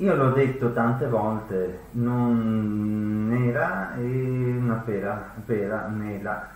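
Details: Acted portrayal of an acquired language disorder with comprehension worse than verbal production; Wernicke's (sensory) aphasia.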